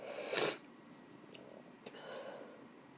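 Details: Attempted held-back sneezes (F), which the sneezer says failed: one brief muffled, stifled sneeze, followed by quiet breathing and sniffing in a small room.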